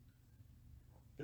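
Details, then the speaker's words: Adult woman sneezing at a distance: a single short, sharp, almost bark-like sneeze over quiet room noise. "That's just my wife sneezing. It sounds like a dog. I thought it was like a little bark."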